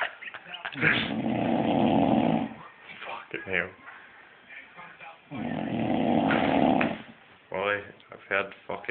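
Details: Two loud, long, rattling snores about four seconds apart, with snorting and grunting sounds between them; snoring.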